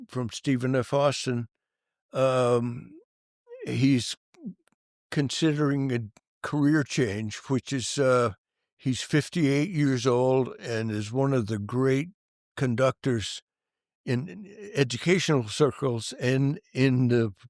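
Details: Adult male band director with stuttering that was severe when young and persists, once described by a prospective employer as a slight stutter; stuttering.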